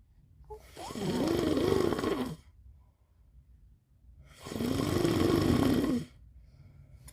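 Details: Snoring imitation: a child copying his father's snoring with two long, loud, snorting snores and quiet gaps between, not true sleep snoring.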